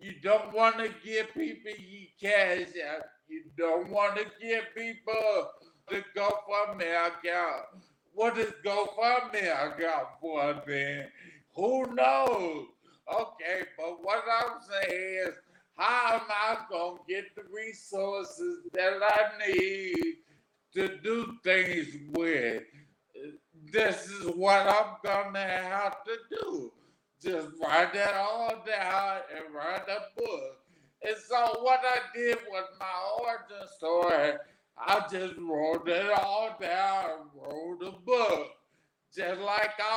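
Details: 41-year-old man, stroke survivor with aphasia after three strokes; first stroke at age 27, caused by an arteriovenous malformation; real patient; aphasia.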